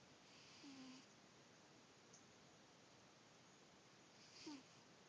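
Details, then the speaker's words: Sleeping cat snoring: two short, rough, low-pitched snoring breaths about four seconds apart; owner calls it a loud snore and suspects he is actually awake. "such a loud snore."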